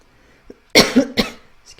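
Two short, harsh cough bursts in quick succession from an adult in a quiet small room; a plain cough.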